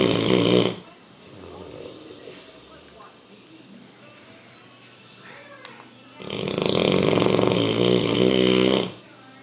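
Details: English Mastiff dog snoring heavily, keeping everyone awake: loud, deep fluttering snores on each breath with quiet gaps between.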